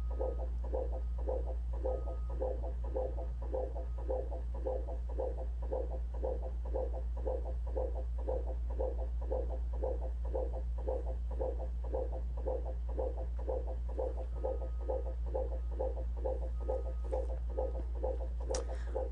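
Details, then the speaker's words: Fetal heart rate deceleration on Doppler monitoring during labor: rhythmic whooshing heartbeats slowing to about 120 a minute, dipping below normal, then returning toward baseline. "Can you hear the heart beating a little slower now? Now we're getting below normal."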